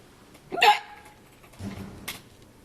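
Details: Hiccups that had lasted about half an hour and were painful: a sharp abrupt hiccup, then a softer voiced catch and brief breathy release.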